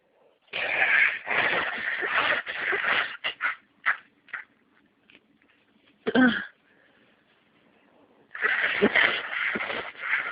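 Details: Allergic sneezing deliberately triggered by inhaling an allergenic massage bar, with sinus congestion: several bursts of forceful nasal sneezing and sniffing, a short sharp burst midway and another run at the end.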